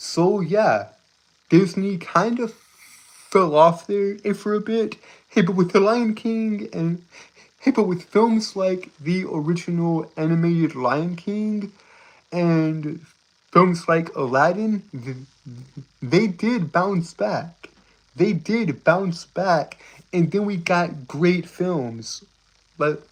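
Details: Stuttering; male speaker reports a speech impediment causing him to stutter and trip over his words.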